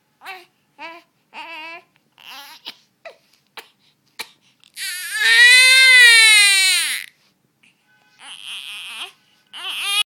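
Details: One-month-old infant crying, with hiccups also present: short fussy cries build into one long, high wailing cry, then soft whimpers; an ordinary infant cry.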